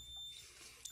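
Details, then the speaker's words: Alarm from a ZOLL AEV ventilator in bi-level (BiPAP) ventilation mode: a steady high-pitched electronic alarm tone over faint room noise. "make the alarms stop listen there's no point to be afraid of this ventilator"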